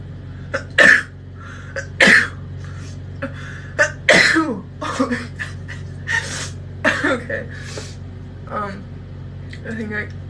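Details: Woman sneezing uncontrollably while reinserting her displaced nasal feeding tube: three quick, sharp explosive sneezes with breathy sounds between.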